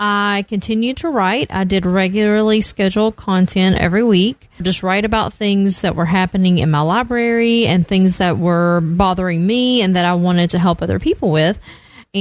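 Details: Adult speaker; normal voice.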